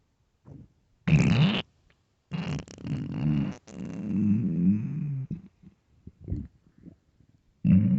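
Several loud, low rumbling and gurgling bursts from the belly with quiet gaps: stomach growling from hunger, a normal finding.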